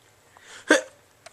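A single short, sharp gulping hiccup with faint room noise before and after.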